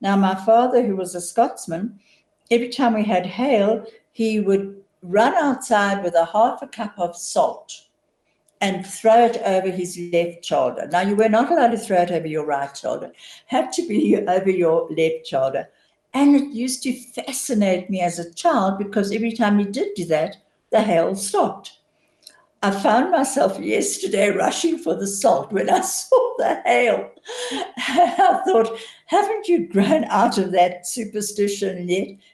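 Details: Adult woman; normal speech.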